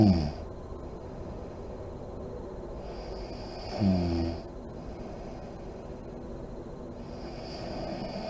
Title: SNORING MOM SLEEPING ASMR SERIES PART 18 LIGHTS ON REM SLEEP, DEEP BREATHING , LIP BLOWING